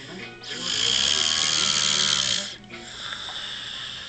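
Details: Adult man passed out asleep on a couch, snoring: one long, loud, rasping breath lasting about two seconds, with quieter breathing before and after, a single heavy snore.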